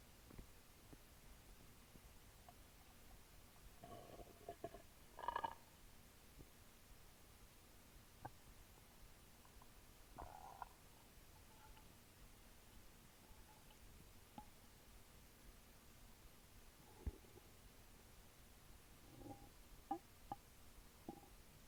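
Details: Bowel sounds recorded over own stomach after drinking a small can of Sprite: irregular gurgles and brief bubbling pops from the abdomen.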